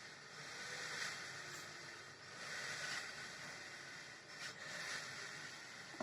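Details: Nidek Breath Smart BiPAP machine with inbuilt humidifier, running with patient triggering shown: steady airflow hiss that swells and eases in a slow cycle as breaths are delivered.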